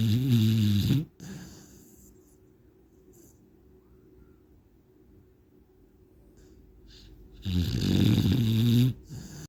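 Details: Loud, deep, rumbling snores from a sleeping pit bull dog, with a quiet pause between breaths about six seconds apart; snoring.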